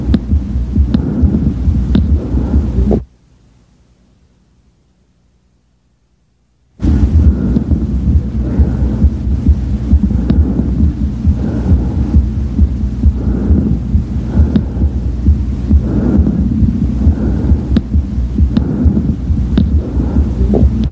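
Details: Auscultation over the left lower lobe: loud, harsh, hollow bronchial breath sounds where softer vesicular sounds belong.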